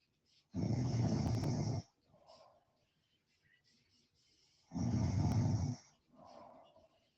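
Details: Two loud, rough snores about four seconds apart, each followed by a softer exhale, from a person snoring during a live stream.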